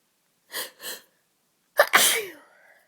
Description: Just caught a bad cold and thought someone out there might enjoy all the sneezing.